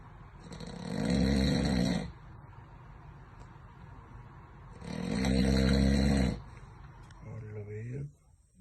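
Very loud, harsh, rumbling snores on breathing in, about four seconds apart, roughly 15 breaths a minute: heavy snoring.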